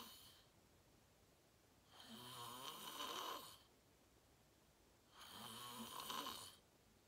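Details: Real self-recorded sleep; person fell asleep fast, around 8:45, and slept deeply, reportedly REM. Loud, rattling snores on each inhalation, about one every three seconds, with quiet breathing between. Ordinary snoring.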